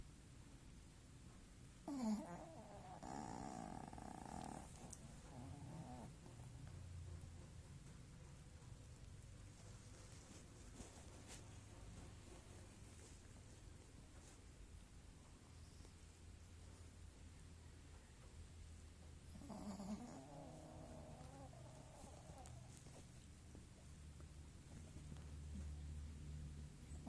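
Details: A sleeping dog snores with a soft, low rumble and a couple of louder snorting breaths; the owner wonders why it snores.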